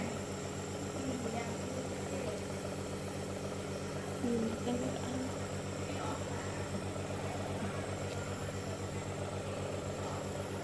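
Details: Steady mechanical buzzing hum with faint background voices from a running nebulizer compressor during a baby's nebulizer treatment for cough, cold and fever at a community health centre.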